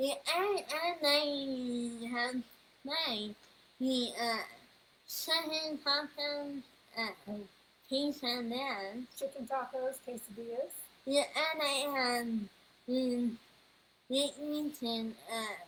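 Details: 21-year-old woman whose neuropsychological evaluation found level 2 autism, anxiety, needle phobia and a speech disorder; speech disorder.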